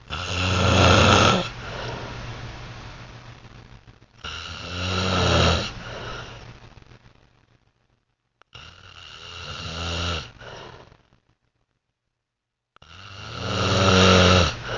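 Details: Heavy snoring in a sleeping man: loud, harsh vibrating snores on each breath, about 14 per minute, with silent gaps between breaths.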